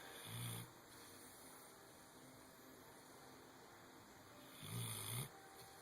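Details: Dozer snoring: two brief low rumbling snores separated by quiet breathing, over a steady high-pitched background hum.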